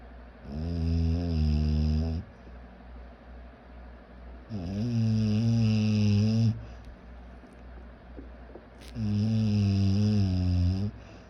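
Loud, buzzing, rattling snores on each in-breath, about 14 a minute, with quieter breathing between them; snoring.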